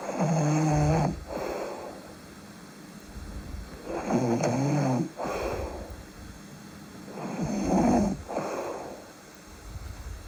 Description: Real snoring with breathing and a little sleep talking